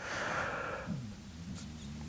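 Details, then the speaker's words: A cat sleeping in a basket behind the speaker: a low, rumbling, purr-like, contented snore, faint against room noise; cat snoring. "I don't know whe the microphone's picking it up or not, but that's Gussy the cat snoring. He's in the the basket behind me, and it slightly sort of amplifies and increases the volume of what's already quite a contented, purr snore."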